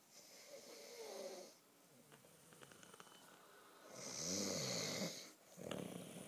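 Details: Slow breaths with a rattling, slightly whistling sound on breathing in; snoring.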